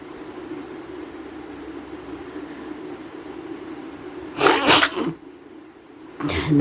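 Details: Deliberately induced sneezing during a sneezing challenge with nose blowing (part 2): steady background hum, then a sharp burst of sneezing and the start of another sneeze.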